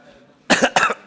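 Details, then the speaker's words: Adult man speaking at a parliamentary hearing gives two quick, harsh throat-clearing bursts after noticing his voice has become hoarse. "Wah, suara saya serak rupanya."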